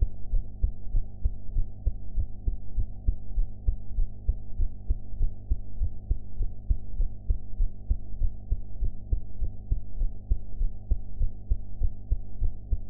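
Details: Own heart sounds recorded after eating ("blue"), audio quality enhanced afterwards: steady low thumping heartbeat, roughly 100 a minute, over a constant hum.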